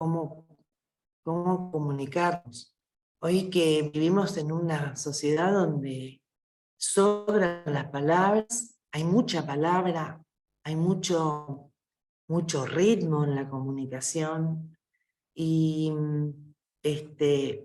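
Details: Adult speaker; normal speech.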